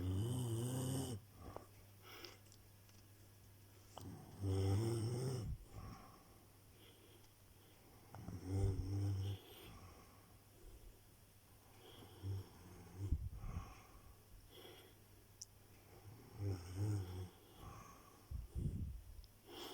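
Low rattling snores recur about 15 times a minute over quiet room noise: steady snoring during sleep.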